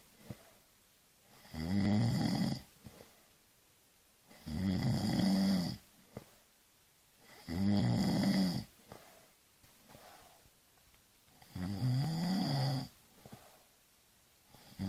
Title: Snoring/ Schnarchen/ Chrapanie SOUND EFFECTS